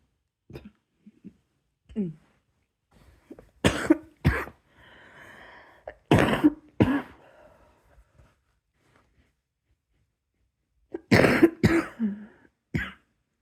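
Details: Repeated dry-sounding cough, about seven sharp coughs in short pairs with throat clearing and breathy sounds between, in a quiet room at bedtime while coughing oneself to sleep; cough.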